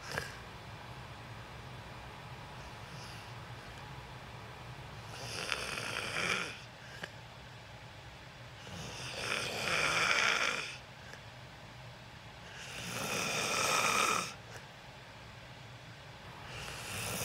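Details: Loud snoring during sleep in a self-recorded overnight sleep video: rough snores on each breath in, about 16 breaths a minute, with quiet pauses between them.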